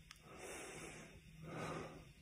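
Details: Hospitalized COVID-19 patient on a ventilator speaking; two heavy, noisy breaths with a faint low rasp between phrases of speech, laboured breathing.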